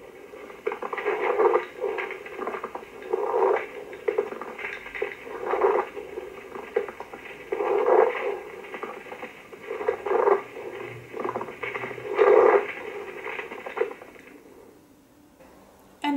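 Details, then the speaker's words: Lung auscultation teaching recording of pleural friction rub, heard after a cough: rough, grating sounds through inspiration and expiration with each breath, about 13 a minute, from inflamed, fibrin-coated pleura. "pleural friction wrap hurts through inspiration and expiration and is differentiated by intensity location and duration"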